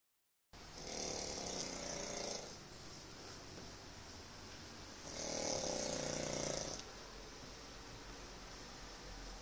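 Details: Adult man (a father) snoring, heard from his bedroom: two loud, rough snoring breaths about four seconds apart with quiet exhalations between; ordinary snoring.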